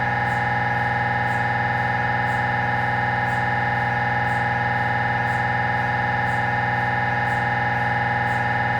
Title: 🧲 Avanto FIT Siemens Magnetom MRI Sounds Scanning Examination Spine Test